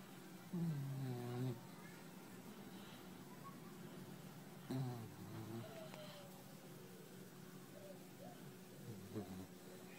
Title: George the snoring white boxer puppy